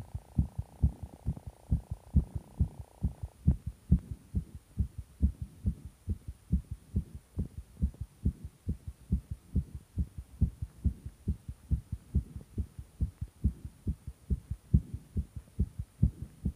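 Strong, steady thumping heartbeat, fast at roughly 130 beats a minute, over a faint steady hum.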